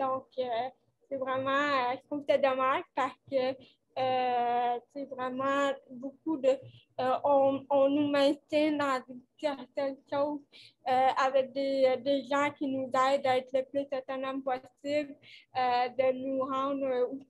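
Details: Dysarthria associated with cerebral palsy caused by lack of oxygen at birth, in a 29-year-old woman who appears to mention speech difficulties.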